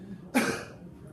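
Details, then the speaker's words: Single brief voluntary cough from an adult asked to turn the head left and cough during an abdominal examination, checking for mass or herniation before auscultating bowel and abdominal aortic sounds. "Actually, I'm going to have you turn your head to the left and then just cough"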